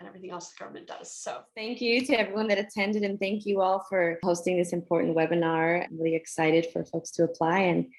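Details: Adult woman speaking; normal speech.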